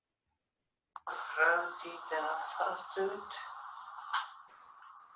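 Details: Dutch-speaking patient with nonfluent variant primary progressive aphasia doing a picture description task from the Boston Diagnostic Aphasia Examination; finding: nonfluent variant primary progressive aphasia.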